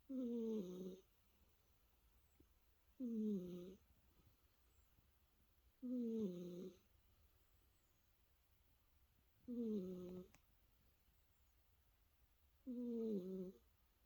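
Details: Sleeping cat snoring: five short, tonal, buzzing snores at fairly even intervals, about 20 a minute, with quiet room sound between them.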